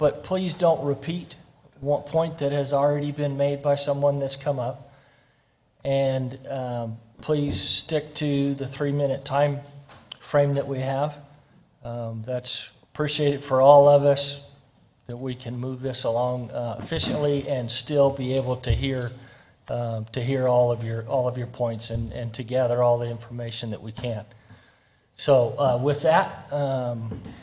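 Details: Adult speaker; Typical voice.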